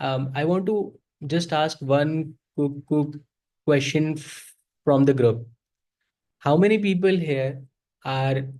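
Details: Adult man who self-identifies as a person who stutters and says he is very ashamed to stutter in front of people; real, unscripted speech showing stuttering.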